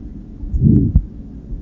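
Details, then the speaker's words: Aortic stenosis murmur: low heart cycle with a swelling, harsh crescendo-decrescendo murmur before a short, soft single S2, as aortic closure is delayed. "listen again to a patient with aortic stenosis murmur"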